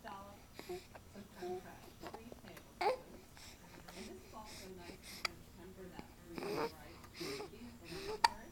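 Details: 2-month-old infant in a swing with hiccups: soft cooing and babbling broken by several short, sharp hiccup-like catches, in a quiet room.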